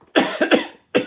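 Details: Cough.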